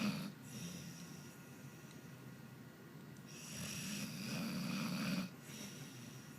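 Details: Snoring while asleep and twitching: slow rumbling breaths rise into a loud rattling inhalation, then fall quiet.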